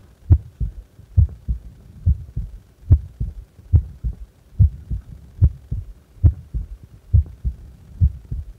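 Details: Normal resting heart sounds of a person doing nothing, at rest: steady paired low lub-dub thumps at about 70 beats a minute with a faint hum underneath.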